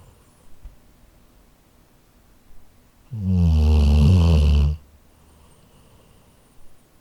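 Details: Labrador dog snoring in sleep, recorded on a Zoom H4n handheld recorder: a single deep, rattling snore lasting under two seconds between quiet breaths.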